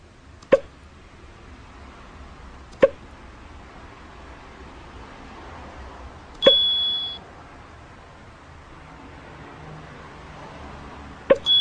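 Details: Puppy hiccuping more often than it blinks: four short, sharp clicking hiccups at irregular intervals, one with a brief beep-like squeak, over quiet room noise; hiccups.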